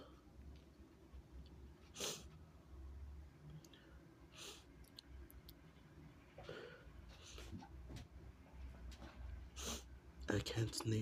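Several sharp bursting sneezes, widely spaced, over a quiet room background with low hum.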